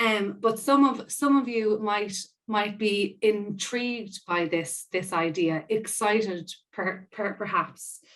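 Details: Stuttering in an adult woman who describes herself as a person who stammers, with audible part-word and whole-word repetitions.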